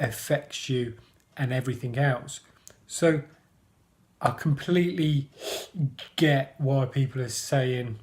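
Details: Adult male who stammers, describing himself as a person who stammers and mentioning blocking; stuttering (stammering).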